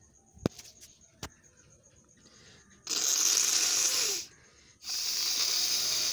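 A few faint clicks, then two long hissing bursts of air forced through the nose, an adult blowing the nose.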